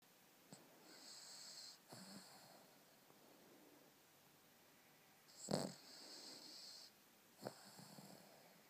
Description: My 2 year old cavalier king Charles 'Elmo' snoring and dreaming :)